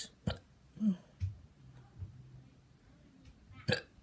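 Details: Hiccups: two or three short, abrupt, sharp catches of breath separated by quiet.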